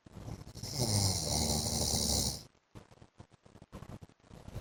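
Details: A husband snoring in his sleep: one long, harsh, rasping snore lasting about two seconds, followed by quiet, broken breath noises.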